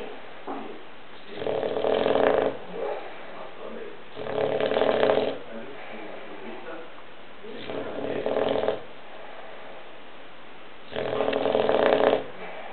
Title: Zoe the Bulldog keeps Sleeping and snoring